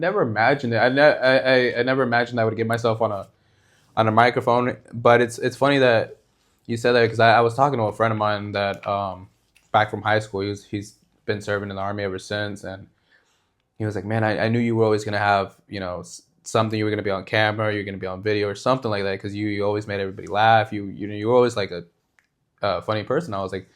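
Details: Male podcast host who says he stutters. Finding: stuttering.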